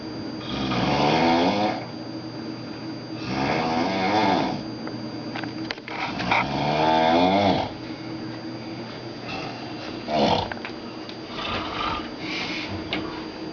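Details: A man snoring loudly during sleep: rattling snores about every three seconds, roughly 20 a minute, with quiet pauses between breaths.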